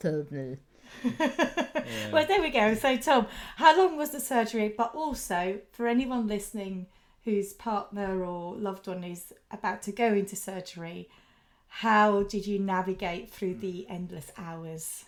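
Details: Adult woman; typical speech.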